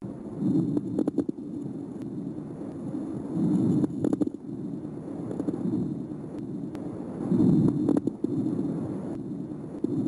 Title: Lung sounds